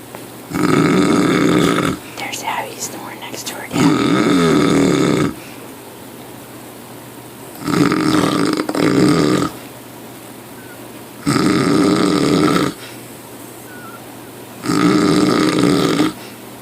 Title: snoring!